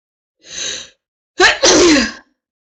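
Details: Woman during a prolonged sneezing fit: a sharp breath in, then one forceful, explosive sneeze.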